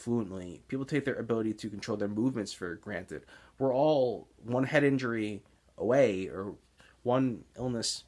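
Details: Stuttering (speech blocks) in an adult man with Tourette's syndrome, with blocks heard as excess pausing mid-sentence and particular trouble on S-initial words; real blocks while speaking.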